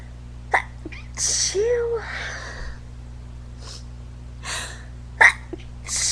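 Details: Sneezing fit in an adult drag performer, allergies suspected: several sharp, hissing bursts with an inhaled gasp and brief vocal sound between them, a run of repeated sneezes.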